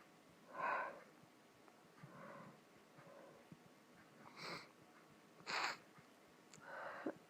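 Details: Stuffy, sniffly nose: repeated short, wet sniffs and snorting nasal breaths of nasal congestion, before nose-blowing.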